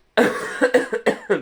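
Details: Adult man who says he is unwell, in pain and may have an angina (sore throat), gives a quick run of about six harsh, partly voiced coughs, the first longest, then shorter bursts: a coughing fit.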